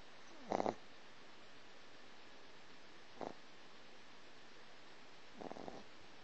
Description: Chip, 3 month old Boston Terrier, snoring and dreaming